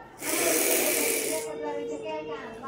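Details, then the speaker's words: A doctor demonstrates a dry powder inhaler: the capsule is placed in the device and twisted 2-3 times to pierce it, then inhaled; a strong hissing breath with capsule rattle, breath-hold, repeated 4-5 times. "এবার আমি টানবো, শ্বাস বন্ধ রাখছি, আবার শ্বাস নিতে নিতে টানবো,"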